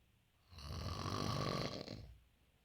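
One long, harsh, rattling snore on a breath in, lasting about a second and a half, in a quiet room.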